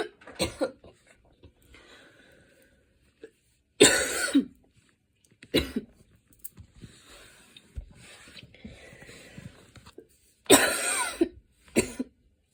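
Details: Several harsh, forceful coughs after running, with quieter breathing and rustling between them; the recording also includes inhaler use: post-exercise cough.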